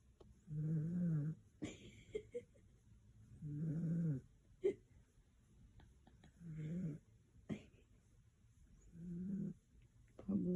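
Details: Low, rumbling snores on each in-breath, about 21 a minute, with soft snuffles between; steady sleep snoring.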